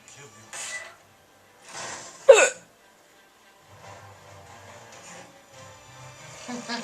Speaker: I'm sorry. I know these hiccups are annoying.